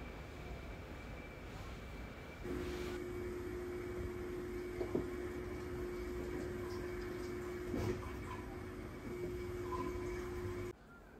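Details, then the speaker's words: Steady mechanical hum with a low tone and occasional clicks from a Fresenius 5008S hemodialysis machine automatically priming the dialyser and then rinsing the blood lines before precirculation; machine priming. "then di side of the dier is being primed priming rinsing of the blood lines will then start"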